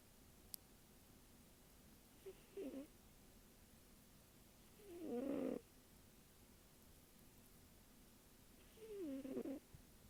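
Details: Sleeping 1-year-old cat with a microphone placed in front of her: soft, raspy snores every few seconds, about 15 a minute, in a quiet room, described as old-man-like snoring; ordinary cat snoring.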